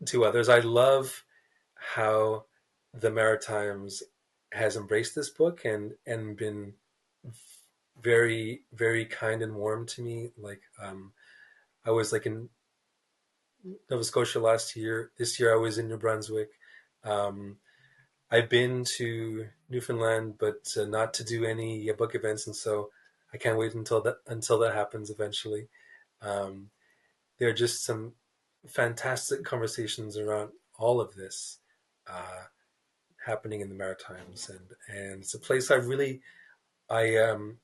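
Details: Stuttering in an adult man, a writer who describes himself as a person who stutters, speaking in a podcast interview.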